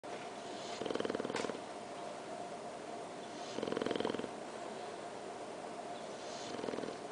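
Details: Sleeping with eyes open and tongue out, giving soft, fluttering snores about every three seconds over steady room hum; snoring.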